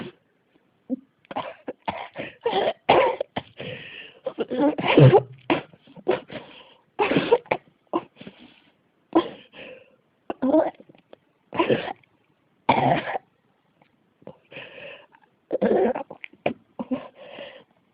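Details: Repeated bursts of coughing in clustered fits with only brief pauses between runs: a persistent cough that won't stop.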